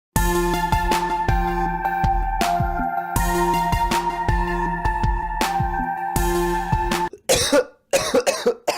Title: Coughing Young Man Sound Effect